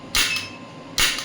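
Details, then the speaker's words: Two sharp hissing pulses about a second apart from an electromagnetic radial shockwave applicator on the elbow joint, at 1 Hz and 5 mJ starting energy before being raised; shockwave therapy applicator firing. "The frequency is 1 Hz and 5 millijoule. Let's see, frequency is 1 Hz only, the starting one, and the energy is 5 millijoule. So as you can see, I am increasing the energy now."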